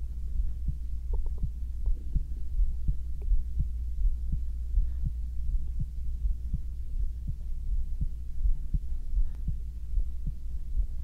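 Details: Binaural ASMR recording of a man's heartbeat: steady, soft low thumps about 82 a minute over a constant low hum, stomach sounds possibly included; normal heartbeat.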